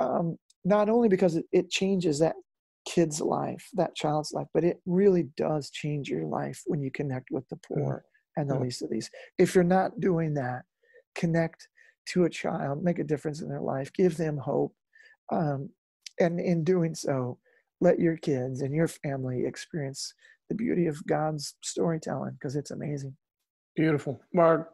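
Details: Real adult male lead singer with incurable spasmodic dysphonia that began at the height of his musical career and was first mistaken for hoarseness; he still struggles with it, and he says it is audible in his speech. Spasmodic dysphonia.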